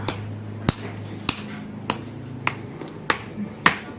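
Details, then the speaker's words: Tapping over the upper-arm flexor muscle group to stimulate motor and sensory nerves in a flaccid-phase stroke patient (muscle strength 0) during physiotherapy: seven sharp, evenly spaced taps about every 0.6 seconds over a low hum. "Nah, kita berikan ketukan pada fleksornya seperti ini."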